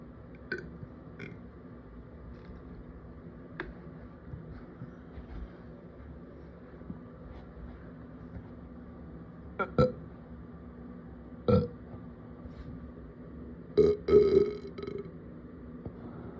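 Three or four short, low, throaty bursts over a quiet room hum. Burping.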